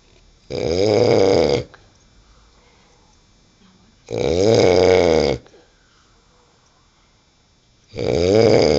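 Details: Three loud, rattling snores, each over a second long with quiet gaps, about 16 a minute, from a sleeper described as drunk; regular snoring.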